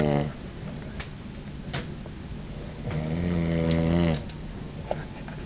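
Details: Adult husband snoring, attributed to allergy to down pillows on a cruise: deep, low rumbling snore on a breath over a second long, with steady room noise.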